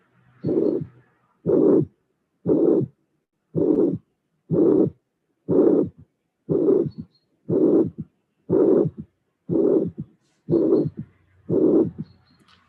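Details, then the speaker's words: Mitral regurgitation: normal first and second sounds, then a regurgitant murmur followed immediately by a small low-pitched third heart sound. "and now mmur with a small sound low sound immediately after the murmur"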